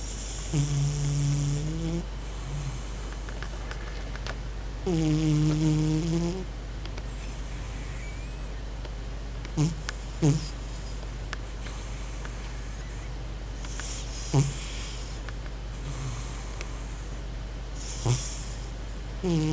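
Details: Cat snoring, owner wonders if it is dreaming: droning snores with a whistling tone, then short snorts and clicks, over a steady low hum.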